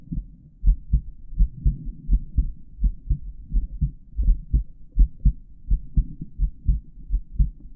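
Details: Normal male heartbeat recorded through a stethoscope with a microphone in the earpieces, during auscultation of the heart valve areas.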